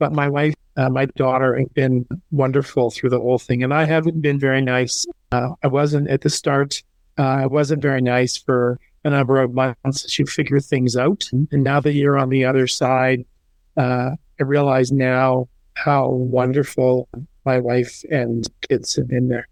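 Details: Male stroke survivor and parent living with aphasia; mild fluent aphasia after stroke.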